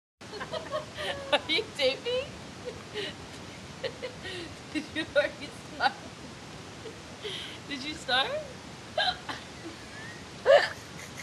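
Repeated sharp, brief gulping catches every second or so, with some speech or laughter between them: hiccups.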